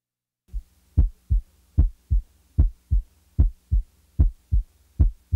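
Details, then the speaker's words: Heart sounds at about 75 a minute; each loud first heart sound is followed by a softer second sound, giving an impression of coming down the musical scale: loud S1, louder than S2. "when the first sound is louder than the second an impression of coming down the musical scale is perceived when the first sound is softer than the second the impression is that of going up the musical scale listen now to a loud first sound followed by a softer second sound"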